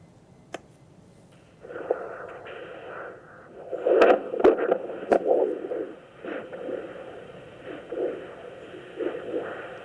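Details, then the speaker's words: Doppler recording of a turtle's heart, no stethoscope, during a veterinary exam at an aquarium: rhythmic whooshing pulses of a strong, normal heartbeat. "Wow. That's a great strong heartbeat. >> Yep. Sounds pretty strong to me."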